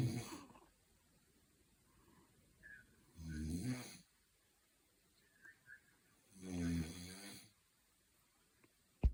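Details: Low rattling snores on each breath in, about every three seconds, with quiet pauses between; unclear whether a man or a dog is snoring.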